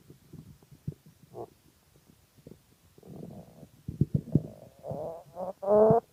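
Irregular gurgling and rumbling bursts that grow louder toward the end, typical of hunger stomach growling, a normal bowel sound.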